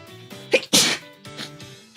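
A sharp in-breath, then one loud burst of hissing air: a single sneeze, with faint music behind it.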